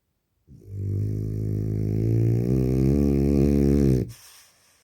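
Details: French bulldog: one long, loud, rumbling snore with a fluttering, growl-like quality; snoring in a flat-faced dog.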